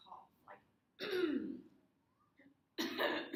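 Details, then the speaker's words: Simulated strong voluntary cough by a mock patient during unilateral upper motor neuron dysarthria assessment: two forceful bursts with a mild harsh voice quality, possibly indicating laryngeal involvement. "the patient was asked to take a strong cough the patient presented with a mild harsh voice quality vocal quality but this may indicate laryngeal involvement"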